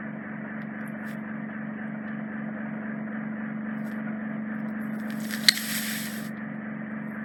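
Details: Endoscopic microsuction of deep impacted ear wax trapped in the ear canal isthmus near the eardrum, adult female: steady suction hum with crackling and a brief sharp slurp as wax is drawn in.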